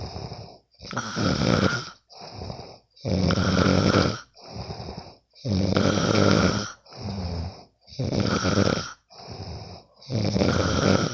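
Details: Friend recorded while asleep: steady, heavy snoring on every breath in with softer breaths out, roughly 26 breaths a minute: ordinary sleep snoring.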